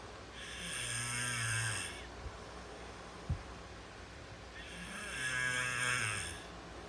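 Two long, loud, rasping snores on breathing in, about four seconds apart, with quiet breathing out between them. Ordinary sleep snoring.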